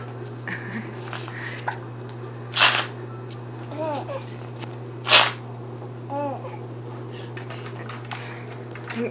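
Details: Boy laughing with hiccups: sharp hiccup bursts about every two and a half seconds between soft giggles and babble, with room hum; hiccups with laughter.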